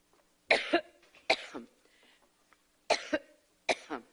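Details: A woman has a coughing fit during a campaign speech in Iowa and loses her voice: four harsh, paired coughs in quick succession with no speech between.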